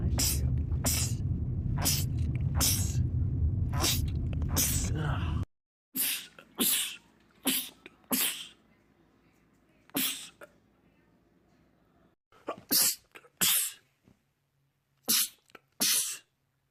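Rapid runs of sharp, explosive sneezes, about a dozen in all, in quick bursts with brief pauses; repeated sneezing attacks.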